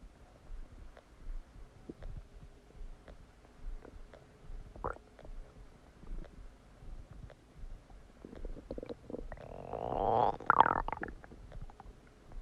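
Soft gurgles and clicks build to a loud, long squealing gurgle near the end. These are bowel sounds of active digestion after a meal.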